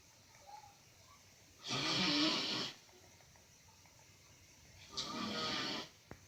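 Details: An uncle's heavy snoring: two long, harsh, loud rasping and hissy snoring breaths about three seconds apart, with faint background sound.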